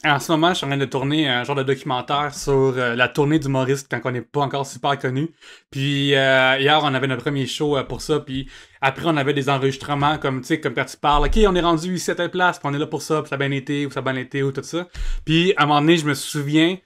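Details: Adult male French-speaking comedian who clutters and only learned in adulthood that speech therapy exists for cluttering; cluttering.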